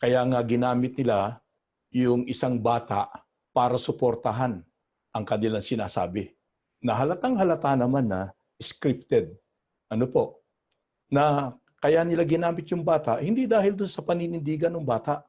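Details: Adult man; plain speech.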